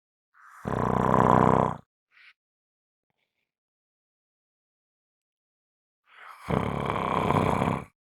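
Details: Heavy snoring recording: two loud, rough, rattling breaths about six seconds apart with silence between them.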